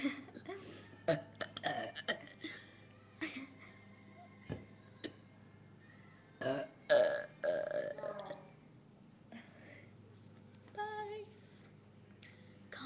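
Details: Two girls in a burping contest: several loud, croaky burps in a row, with voices and laughter in between.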